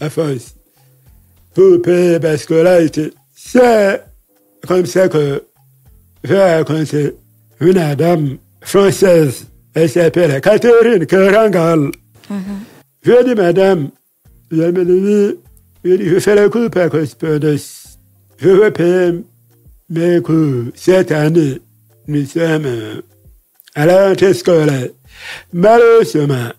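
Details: Deaf speech from a man who lip-reads and speaks French, with hearing loss caused by a childhood illness, which he says left his voice not normal.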